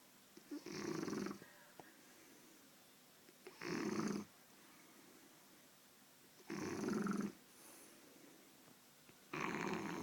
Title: Dennis - Shar pei puppy snoring